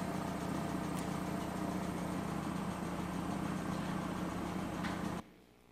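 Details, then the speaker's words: Ambient noise inside a running neonatal incubator, heard 24 hours a day by premature babies as young as 24 weeks: a steady, low hum and whir. "ça c'est le bruit ambiant aussi d'un incubateur mais du coup ça c'est tous les jours 24 heures sur 24 ce niveau là"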